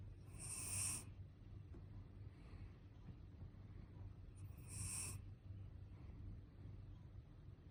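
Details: Loud snoring from a male: two whistling, hissy snore breaths about four seconds apart, roughly 15 per minute, over a steady low background hum.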